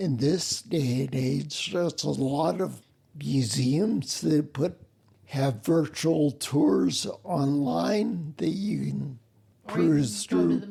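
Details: Ataxic dysarthria in a man with spinocerebellar ataxia, a rare neuromuscular disease, also with mobility problems; slurring began while working, sounds drunk, and makes phone conversations difficult.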